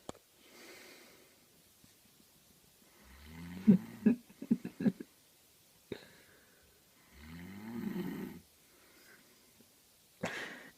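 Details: Cousin snoring very loudly and not waking despite being hit about 15 times: two loud, rough, buzzing inhaled snores several seconds apart, with sharp thumps from blows in between, quiet room.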